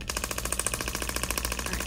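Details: Rapid, steady train of sharp mechanical taps, about twelve a second, from a shockwave therapy handpiece treating a patient's painful arm and scar area for hand and arm pain; the patient rates discomfort on a 0–4 scale.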